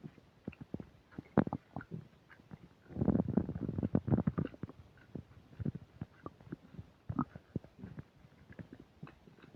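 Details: Person's stomach while eating a burger and fish fries, recorded with a new microphone that has occasional static: irregular gurgles, pops and a louder rolling rumble; loud, active borborygmi during digestion.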